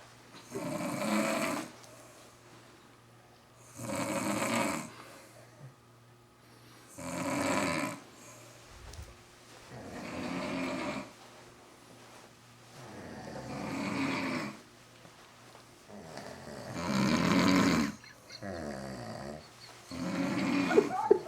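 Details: Mom and dad both snoring loudly in a quiet room; mom had been drinking all day before passing out. Rough snores recur steadily about every three seconds, roughly 18 breaths a minute.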